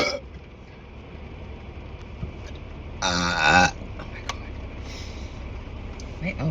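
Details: Woman sitting in a car: one long, loud, throaty burp over steady car noise, with a little talk around it.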